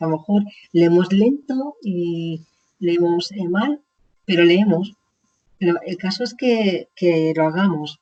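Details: Woman with chronic aphasia after a stroke about 20 years ago, speaking in an interview.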